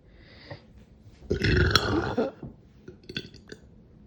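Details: One long, loud, rumbling burp followed by a few short clicks and smaller sounds in a quiet room; deliberate frat-style burping while drunk, described as weak.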